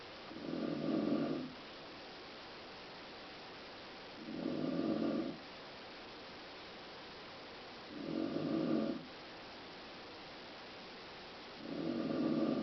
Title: Mom Snoring